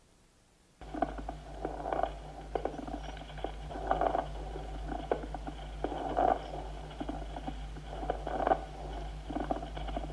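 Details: Medium and coarse consonant crackles with a pleural rub, with heart sounds also audible: pleural friction rub with crackles.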